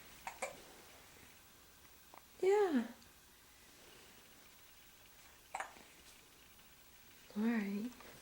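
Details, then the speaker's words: Infant girl with hiccups: several brief, sharp voiced catches spaced a few seconds apart in a quiet room. "got the hiccups."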